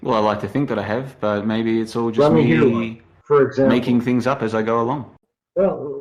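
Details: Adult male speaker; typical speech.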